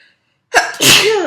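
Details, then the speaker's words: Adult sneezing while recording at home: a quick intake of breath, then a single loud, explosive sneeze with a voiced trailing end, an ordinary sneeze. "oh excuse me and i sneezed into my hands whoops luckily i'm at home"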